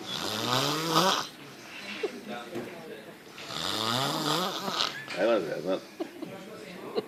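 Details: Loud rattling snores on each breath in, with quieter breathing between and some background noise; snoring.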